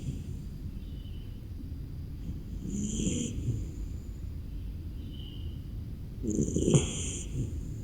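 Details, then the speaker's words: Beagle puppy snoring while napping in its kennel in the morning on a cold, rainy day: snoring. "seperti manusia aja ya kalau Hawanya dingin buat tidur enak sekali mimpi indah ya snopi sayang"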